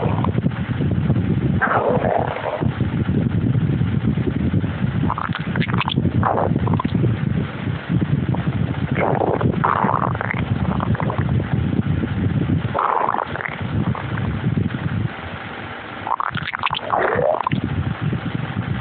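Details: A dog's stomach growling: a low, steady rumbling with gurgling, swooping squeaks every few seconds; borborygmi.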